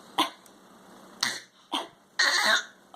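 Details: Four short, deliberate cough bursts from a young child, a pretend cough so she can get water, not an illness cough.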